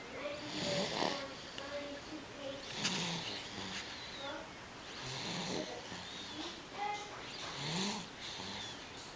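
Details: Two sleepers snoring quietly: faint, soft, rasping breaths with overlapping rhythms and light room noise.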